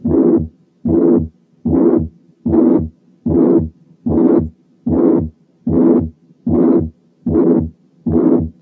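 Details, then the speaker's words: Mitral regurgitation heard with the stethoscope at the apex (mitral area): regular heartbeat at about 75 a minute, each beat carrying a long blowing pansystolic murmur. "نبتدي أولا بالميترال أريا. حطينا سماعة على الإيبكس وسمعنا السيستوليك مامر زي دي."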